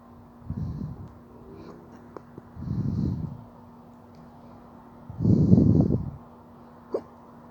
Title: Drunk hiccups